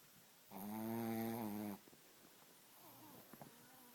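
One loud, buzzing, rattly snore of just over a second, then soft breathing noises; snoring in a sleeping puppy.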